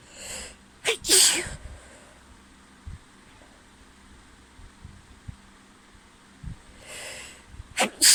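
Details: Allergic sneezing from a friend's cat: two bouts, each an in-breath then an explosive sneeze, separated by quiet breathing, with fan noise in the background.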